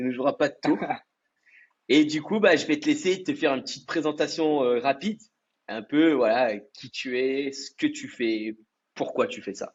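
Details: Adult man speaking French; normal speech.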